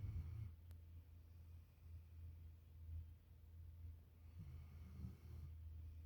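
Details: Boxer dog asleep on owner's bed at night: soft, low, rumbling breaths repeating steadily with faint snorts in a quiet room; gentle snoring.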